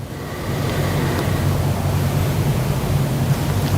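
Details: Stethoscope auscultation of a patient's back in the interscapular region during a deep breath, in a chest examination lesson: soft, low, rustling airflow; normal vesicular breath sounds.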